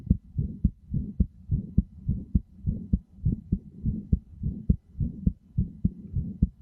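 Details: Heartbeat: steady low paired lub-dub heart sounds at about 105 beats a minute.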